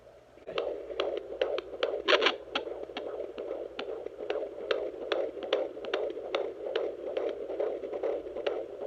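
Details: Fetal heartbeat at 20 weeks on a home fetal Doppler used by a 22-year-old mother, baby girl head down and moving: fast rhythmic whooshing beats at about 146 a minute, a normal mid-pregnancy fetal heart rate.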